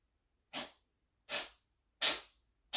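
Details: A dog in a rapid run of sharp, hissy nasal sneezes, about one every 0.7 seconds; an uncontrollable sneezing fit.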